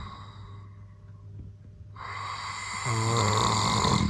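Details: Adult man (father) recorded asleep without his knowledge: a single rising, rattling snore builds from quiet room noise into a loud, coarse inspiratory rumble; snoring.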